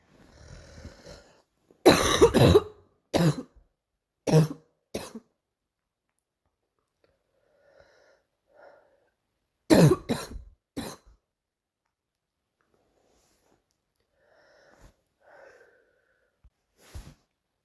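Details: Girl coughing: two bursts of harsh coughing, four then three coughs, separated by quiet breathing in a small room.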